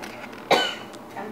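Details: A single sharp cough from an adult woman, a brief explosive burst against quiet room sound in a dark kitchen.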